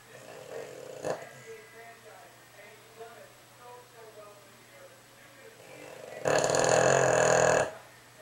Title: Snoring Dog--Boston Terrier Molly